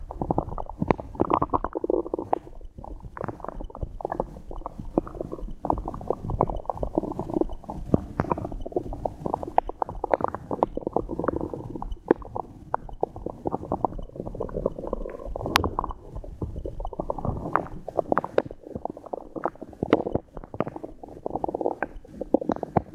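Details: A 23-year-old female who drank water and swallowed air has continuous gurgling and rumbling from the belly, the busy sounds of gas and fluid moving. These are bowel sounds (borborygmi).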